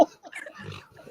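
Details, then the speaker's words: Great Pyrenees rescue dog snoring during a live show: a brief, rough, grunting snort with low rattling flutter over faint room noise. "who's snoring oh y'all can hear that that's diamond yes we can hear"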